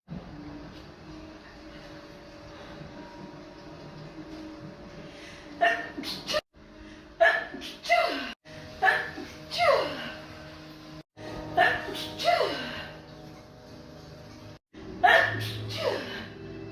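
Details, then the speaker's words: Person in a TikTok clip sneezing repeatedly: about six sharp, explosive bursts with voiced catches; faint hum. "Hey, do you mind if you stop sneezing, please? Can you please stop sneezing?"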